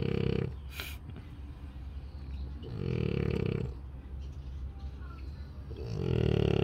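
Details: A French Bulldog snores loudly while not yet fully asleep: snoring.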